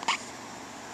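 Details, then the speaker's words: Single brief, sharp hiccup from a baby with hiccups, followed by quiet room noise. "it's not very fun probably only have the hiccups"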